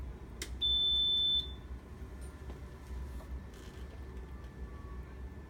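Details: A steady high electronic ventilator alarm tone lasts under a second over low machine hum. It sounds when the ventilator is switched back on after passing its pre-use leak and circuit test during setup, with no patient connected.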